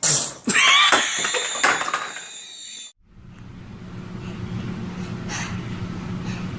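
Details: Baby sneezing amid lively room noise and talk: a short, sharp burst of breath, a small sneeze.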